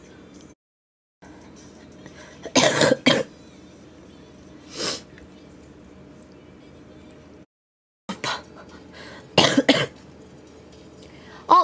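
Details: Several harsh cough bursts in short clusters separated by quiet pauses, from a girl; coughing.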